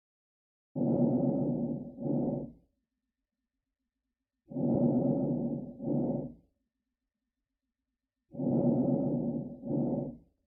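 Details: Three soft, muffled breath cycles, about 16 a minute, each a longer inhalation then a brief exhalation: diminished lung sounds, in EMS teaching on severe respiratory distress and emphysema-type air trapping.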